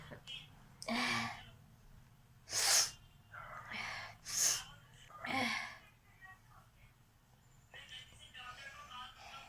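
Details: Sneezing challenge with nose blowing: four sharp, explosive sneezes in a row, with faint voice and background sounds after.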